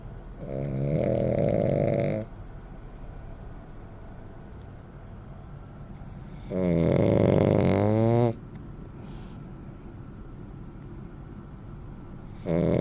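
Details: Blind rescue dog in foster care who snores in different ways: loud, regular rattling snores on each in-breath, about one every six seconds, with quiet breathing between; steady snoring.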